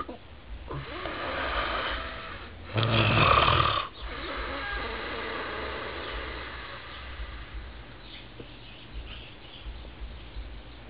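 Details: Rough, rattling breaths from a sleeping animal, with one louder snort-like snore partway through and quieter snoring after; snoring.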